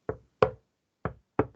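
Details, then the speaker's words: Paired knocks on a clipboard imitate the "tum-tac" of normal first and second heart sounds (S1 atrioventricular, S2 semilunar valve closure); imitation, not a real recording. "E note assim, o coração não bate tum, tum, tum, tum. É tum-tac."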